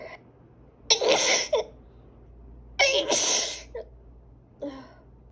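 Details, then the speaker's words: Man and woman, both suspecting allergies, sneezing repeatedly in a recording. Two forceful sneezes a couple of seconds apart, each with a sharp intake before it, then a short voiced sound. Repeated allergic sneezing. ">> Oh my God, thank you. I got a good sneeze. I got a good sneeze."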